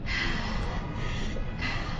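Imitated breathing: a brief breath in, then a longer drawn-out breath out, as in asthma or obstructive lung disease.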